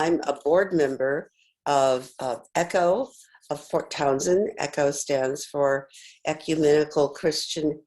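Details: Adult speaker; ordinary speech.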